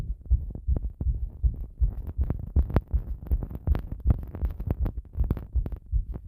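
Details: Heart sounds recorded pressed against the chest after bathing: rapid, somewhat irregular low thumps of a heartbeat with rubbing noise.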